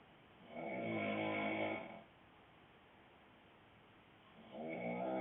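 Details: Adult man (boyfriend) snoring loudly: two loud, rough, rattling snores on the breath in, separated by a quiet pause; ordinary snoring.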